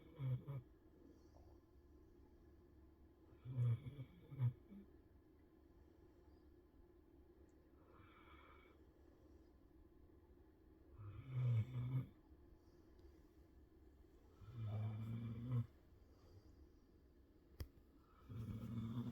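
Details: Snoring during sleep: quiet, low-pitched snorting breaths repeating about every four seconds, roughly 15 a minute, in a quiet room.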